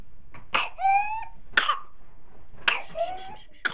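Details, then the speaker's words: Young baby with whooping cough (pertussis): short, harsh coughs broken by high, squeaky, strained cries as the baby struggles for breath. "Whooping cough is a serious disease no matter what age you catch it. In the adult, you don't want to be coughing for a hundred days; it's very unpleasant."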